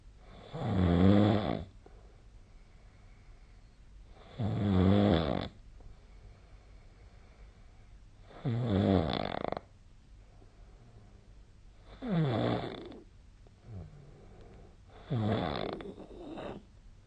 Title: 🐽 本日のイビキ / Snoring Sleep Sound 2025/02/21